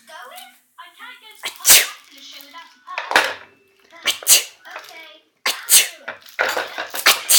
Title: Baby laughing and shouting mum sneezing